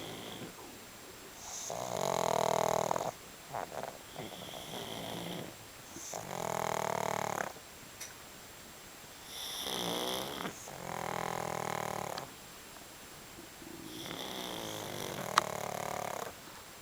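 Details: Two sleeping pugs snoring: repeated snorting, rattling snores with noisy breath sounds between them.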